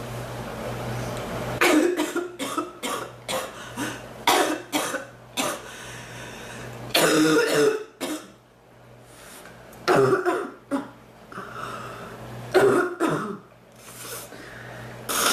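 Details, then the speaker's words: Repeated harsh coughs in clusters with short pauses and some throat clearing in a quiet room; a painful cough, worse in the back than the chest, that comes and goes. "oh it hurts my chest and my back more my back than my chest to cough it seems like it gets better and it gets worse"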